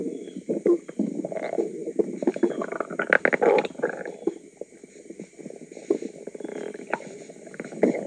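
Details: Woman's own stomach recorded: continuous low gurgling and bubbling rumbles with irregular pops; active bowel sounds, loud stomach rumbling (borborygmi).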